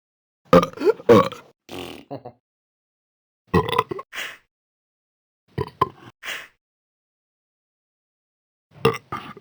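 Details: Repeated belching: four groups of deep, croaky burps with short trailing grunts, spaced a few seconds apart.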